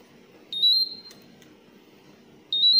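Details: Repeating high-pitched electronic beeps from a Terumo infusion pump: the alarm for an open pump door.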